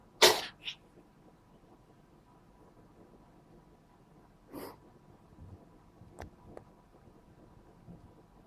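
Two quick, sharp sneezes close together, then a softer third sneeze and faint snuffles over quiet room noise.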